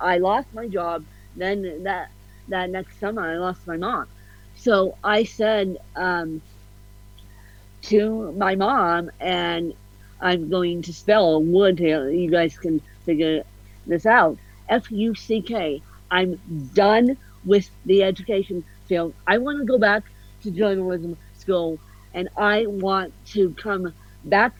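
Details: Adult woman with ataxic cerebral palsy (self-described ataxic-spastic, a "mixed bag" of CP), officially diagnosed at 31, with a slight speech impediment; mild ataxic dysarthria.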